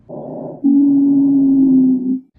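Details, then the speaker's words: Teaching example of an abnormal lung sound: a steady, musical, whistle-like wheeze from narrowed airways, rising over faint breath noise and holding for over a second. "first one we have here is wheezing keyword here is musical it's a continuous sound produced by narrowed Airways think wheezing whistle like a musical"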